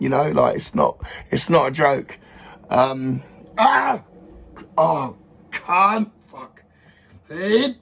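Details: Adult male with Tourette syndrome causing involuntary vocal tics (sounds, sometimes swearing) and motor tics, plus OCD, ADHD traits, autistic traits and depression; tics worsen when he thinks about them; vocal tics (Tourette syndrome).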